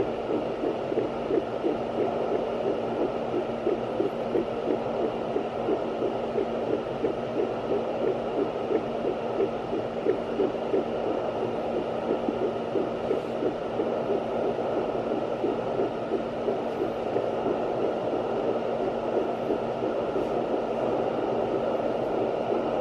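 Fast, steady galloping whoosh of a baby's heartbeat picked up by a fetal Doppler over a constant hum.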